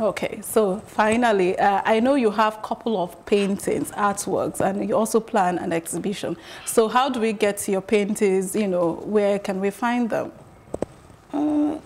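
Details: Adult woman, interviewer; Typical speech.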